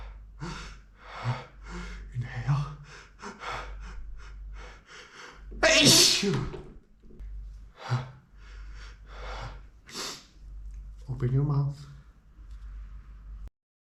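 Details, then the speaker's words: Simulated role-play of a male performer acting out a head cold: repeated sharp gasping in-breaths build to one loud, wet, explosive sneeze, then more gasps and a smaller sneeze. "but it's ready I'm gonna sneeze I'm gonna sneeze take us off inhale"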